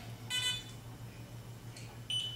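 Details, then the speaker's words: Short, high electronic chirps over a low steady hum as an Accu-Chek Inform hospital glucometer scans the barcode on a control solution or test strips. "It's also barcoded, so you can hit the scan button and it will scan the barcode there, and it knows that you're using the right control solution."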